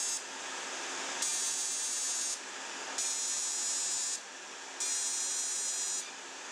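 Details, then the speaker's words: Fractional CO2 laser (DeepFX) resurfacing of acne scars in a dark-skinned patient, treating the chin at a reduced 15 mJ. Steady hissing airflow from the skin cooling device, with louder laser bursts about every 1.5 seconds. "I will reduce the energy to 15 m and I will treat the forehead, the chin and the nose. We treat the chin."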